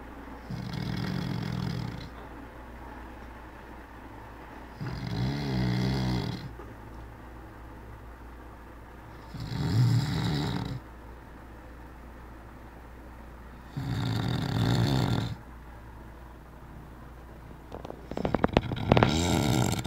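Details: Adult man sleeping: loud, low rumbling snores about every four to five seconds, roughly 13 breaths a minute, with quiet pauses between; snoring.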